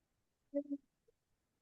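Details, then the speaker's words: An 11-month-old infant gives a brief, hoarse, seal-like barking cough, the croupy cough typical of croup. "So, when you hear that barking cough, okay, you're going to um and let me see here if I could play this for you. Sounds like a seal."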